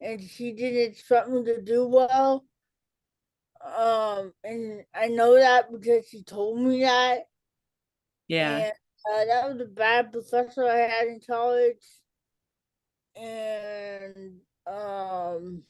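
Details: Adult woman with cerebral palsy, self-described as talking differently and possibly hard to understand; dysarthria (cerebral palsy).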